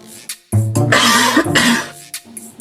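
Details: A short, forceful acted cough with light background music, demonstrated as a vocabulary example in a Chinese-language lesson on body sounds; an imitation rather than a natural cough.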